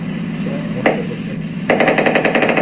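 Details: EMG at neurology grand rounds for a patient discussed as pseudobulbar palsy with hoarse, spastic speech, dysphagia and facial palsy. A single sharp pop, then dense, rapid crackle of overlapping motor unit discharges on contraction: a normal interference pattern.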